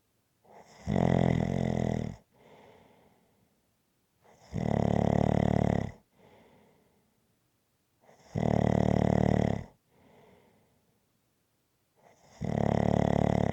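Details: Loud, fluttering snores on each breath in, each followed by a softer breath out, about 15 breaths a minute; steady, rhythmic snoring recorded as ASMR.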